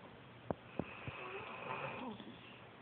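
A few short snorting breaths followed by a low rattling inward breath during sleep: snoring.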